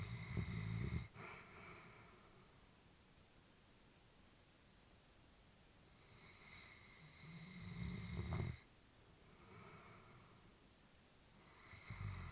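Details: Elderly female Labrador sleeping, while her family was worried about her: soft, low snores with quiet breaths between them; snoring during sleep.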